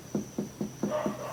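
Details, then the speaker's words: Tympanic percussion note over all four abdominal quadrants in a 26-year-old man, within normal limits during a physical abdominal examination. "dari pemeriksaan perkusi di abdomen semua timpani berarti dalam batas normal"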